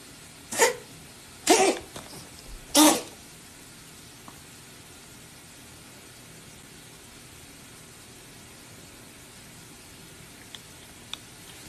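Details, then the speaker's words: Cat sneezing: three short, sharp sneezes in quick succession over a steady background hiss. "Yo, he just sneezed backwards."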